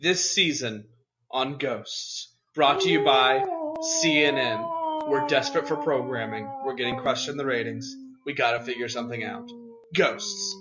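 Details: Adult male speaker; Ordinary speech.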